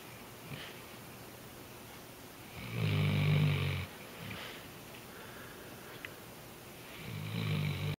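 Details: Loud, low, rattling snores on inhaling with quieter breaths between, from a sleeping Weimaraner dog; snoring that sounds much like a human.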